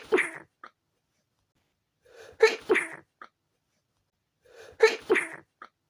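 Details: Three short, suppressed sneezes, each a quick catch of breath then a muffled burst through a closed mouth, and a small sniff; stifled sneezes from a tickly nose after windows were left open overnight.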